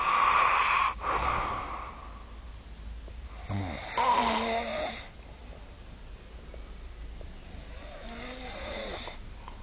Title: Snoring Monster